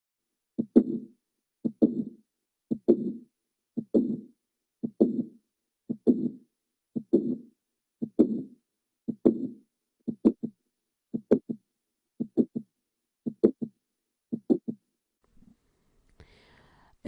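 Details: 25-year-old woman with chest discomfort, palpitations, fatigue, dizziness and shortness of breath: regular heartbeat near 57 a minute with a sharp midsystolic click and late systolic murmur. Mitral valve prolapse.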